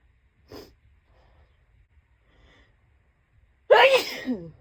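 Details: Soft breath or sniff, a quiet pause, then one loud, explosive tickly sneeze with a voiced trailing sound; sneezing.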